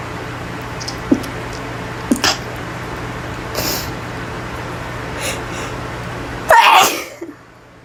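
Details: A person in a bathroom sneezes in several short bursts over steady room hum, ending in a loud final sneeze, and says they cannot stop: repeated sneezing fit.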